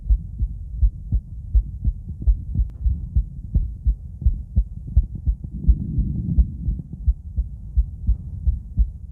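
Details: Normal heart sounds from a female heart, auscultated with several different stethoscopes at Erb's point, then the mitral, tricuspid, aortic and pulmonic areas: regular beat, about 85 a minute, with a brief stethoscope rustle midway.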